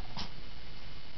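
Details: A single short, sharp nasal burst from a dog, a sneeze, over low room rumble.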